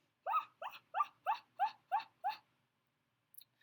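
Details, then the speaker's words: Adult woman with Tourette syndrome whose tics worsened after stopping medication: seven quick, bark-like voiced yelps in a steady row, then silence; repetitive noise-type simple phonic tics. "So, tics have been generally noises instead of words, and I've been making I made a video previous to this, and I was making all kinds of."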